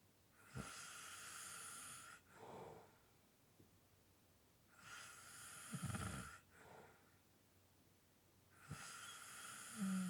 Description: This is a 7 minute clip of light snoring / heavy breathing.